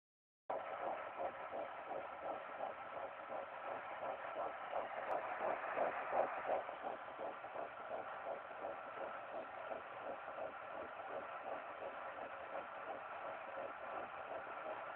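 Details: Fetal heartbeat at 9 weeks of pregnancy: rapid, regular whooshing pulses, about 170 beats a minute, normal early fetal heartbeat.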